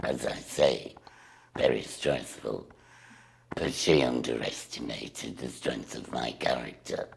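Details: Adult woman after total laryngectomy, speaking through a voice device/valve; alaryngeal speech after total laryngectomy.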